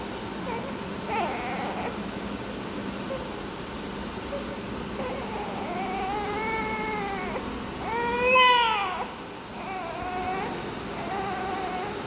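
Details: Thin, high, wavering cries in short bursts over a steady background hiss, with a louder cry near the end, from a newborn with a breathing problem receiving oxygen through a tube.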